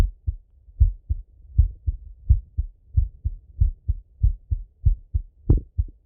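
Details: Male heart auscultated with a stethoscope, recorded sitting at a desk or lying in bed: steady paired lub-dub at about 85 beats a minute, no added sounds; normal heart sounds.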